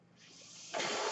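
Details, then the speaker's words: Real recording of a podcast host's own mechanical ventilator, heard during his opening greeting: a soft airy hiss swelling into a loud rush of air as the ventilator pushes a breath. Mechanical ventilator. "Hello, everyone. My name is. That noise you're hearing is my ventilator."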